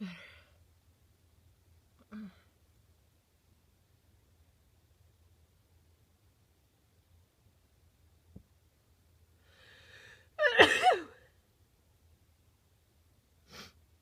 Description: Finally got some relief from this tickle in my nose